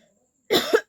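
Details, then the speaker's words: A single short, harsh cough burst in a quiet room from a woman with a common cold caught during Durga Puja nights out; she says it is a real cough. "सबने मतलब इतना बोला है कि real coughing करो real coughing करो तो सच सच में मेरा रियल कफिंग होने वाला है"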